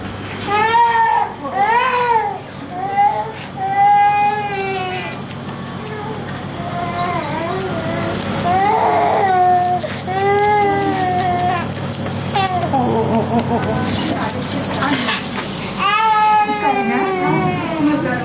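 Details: Repeated high, strained crying bouts with whimpers from a young baby waking from general anaesthesia after surgery; agitated emergence crying.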